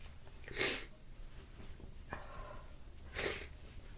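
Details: Two hissing, muffled sneezes with a short sniff between them from a stuffy nose, amid sniffles and nose blowing.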